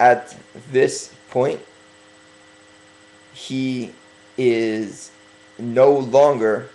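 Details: Man working on his stuttering, deliberately speaking slowly as self-correction; stuttering.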